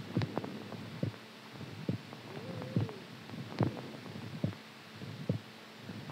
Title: HEARTBEAT SOUND SLEEPING STRONG